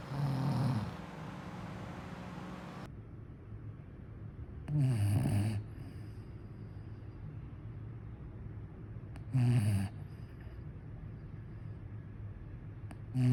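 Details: Sleeping dog snoring, with low rumbling snores about 13 per minute and quiet breathing between; presented as the dog snoring like its owner.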